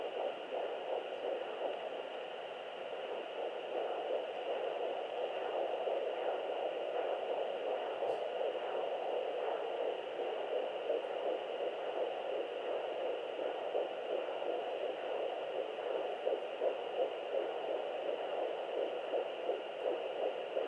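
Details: Fetal heartbeat at 11 weeks of pregnancy on Doppler: fast, rhythmic whooshing pulses, roughly 170 beats a minute.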